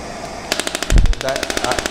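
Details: Shockwave therapy handpiece firing at 200 millijoules maximum energy as frequency increases toward 14, on a combined air-compression and electromagnetic device; rapid regular sharp clicking pulses with a brief low thump partway.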